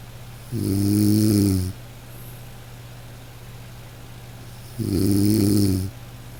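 Two loud, droning snores about four seconds apart over a steady background hum; plain snoring.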